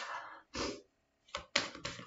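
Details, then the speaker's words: Breathy intake sounds, a pause, then a sudden sharp noisy burst from a woman who announces she is about to sneeze: a sneeze. "excusez-moi je vais éternuer par"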